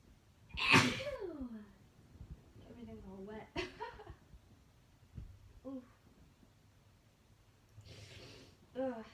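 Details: A loud, explosive sneeze, then gasps and groans, and two more sneeze bursts near the end; wet, powerful, hard-to-stop sneezing fit in a woman, deliberately induced by Chhinkni snuff.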